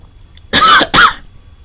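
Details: Two quick, loud, harsh coughs in close succession from an adult sick with a cold, runny stuffy nose and cough; a plain cough.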